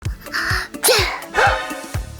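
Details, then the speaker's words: Cartoon sneeze in a children's hygiene lesson: a quick voiced build-up and burst over background music; sneezing. "When we sneeze on people, germs can get on them and make them sick. That's why we should sneeze into a tissue or in our arm, like that."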